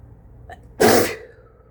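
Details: Person with a head cold sneezing into a face mask: one sharp, forceful, slightly muffled sneeze after a brief catch of breath, amid repeated sneezing.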